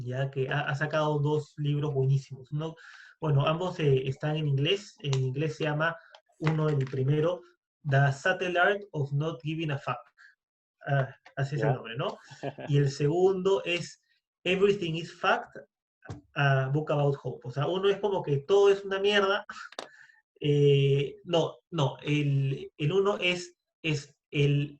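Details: Stuttering with word and part-word repetitions in a Spanish-speaking man who identifies himself as a person who stutters, speaking in a podcast conversation about stuttering.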